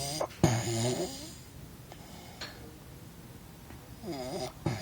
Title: Snoring in college